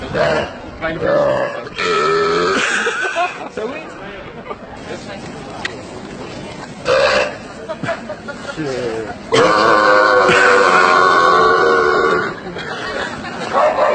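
Several loud, drawn-out voiced belches with rough, croaking tone, separated by pauses and some background chatter; deliberate repeated burping.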